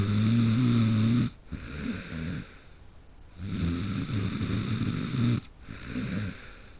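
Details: A person who fell asleep mid-game snoring heavily, with loud, rough, rattling snores on each in-breath, two clear cycles with quieter breathing between.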